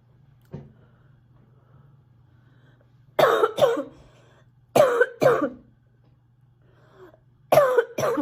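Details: Girl who is sick coughing repeatedly: three bouts of two sharp, harsh coughs, six coughs in about five seconds, over a low steady hum.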